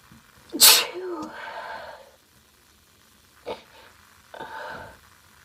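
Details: Female sneezing: a loud explosive sneeze with a voiced tail, followed by a smaller sneeze-like burst and a brief voiced sound.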